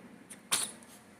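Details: Single sneeze from Luna, likely a pet: a faint sniff, then one sharp, hissy burst of air that fades quickly, against quiet room noise.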